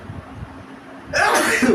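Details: Person in a couples' sneezing challenge: a short indrawn breath, then a sudden loud explosive burst over faint room noise; a single sneeze.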